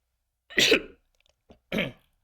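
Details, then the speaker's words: Adult male lecturer, who says he has a lung disease and persistent phlegm, coughing during an online talk: two harsh, rattly cough bursts with throat-clearing between; wet productive cough with phlegm. "Maaf saya batuk-batuk. Mungkin enggak enak teman-teman dengarnya ya. Karena kondisinya apa ini? Kondisi saya gak sehat untuk dahaknya. Ini muncul terus."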